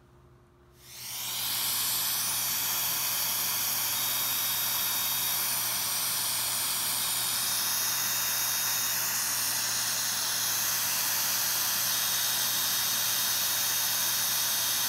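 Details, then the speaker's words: A CO2 laser removes xanthelasma, the yellowish cholesterol plaques on the eyelids. After a brief quiet start, a steady loud hiss with a constant low hum continues throughout. "so we use a co2 laser to remove this"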